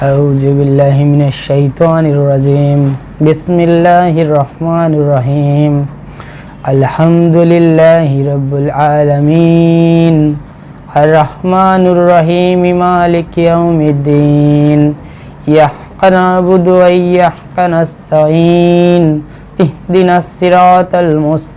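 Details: Adult male reciting one week after surgery for an inflammatory vocal cord polyp, following long-standing broken, hoarse voice; clear voice after vocal cord polyp removal, reported much improved.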